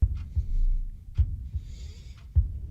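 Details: Simulated ASMR role-play stethoscope heart exam, patient told to breathe slowly and quietly, then hold the breath: soft low heartbeat thumps, about four beats in under three seconds, roughly 90 a minute, with faint room hiss.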